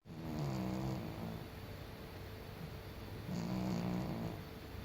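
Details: Senior male cat snoring while asleep: two long, low, rumbling snores with steady breathing noise between; normal.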